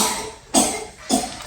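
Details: Child with a cold, as the family is sick again: two short, loose coughs about half a second apart; the mother also reports a very sore throat.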